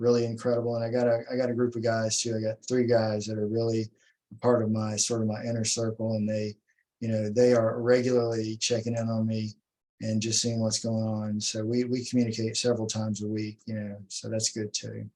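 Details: Adult man speaking; speech.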